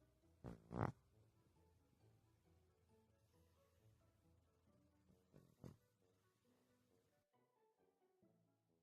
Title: Funny Snoring pug